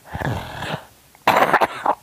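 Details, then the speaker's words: A few harsh, throaty coughs in two bursts in a quiet room, from an elderly grandmother recovering from a recent illness who links the cough to medication; cough. "what you coughing for I don't know it's the it's um medication too"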